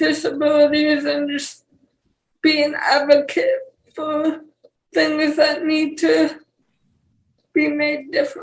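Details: 28-year-old woman with cerebral palsy and speech issues; dysarthria (cerebral palsy).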